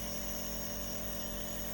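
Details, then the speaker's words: Steady mechanical hum and whine of a nebulizer compressor running continuously, with no voices, as a young girl with a cold and cough is nebulized with Levolin. "खांसी के लिए nebulise ले रही हूं।"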